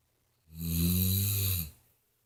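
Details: Adult woman (mother) snoring: one loud, low, rattling snore lasting about a second on an in-breath; typical snoring.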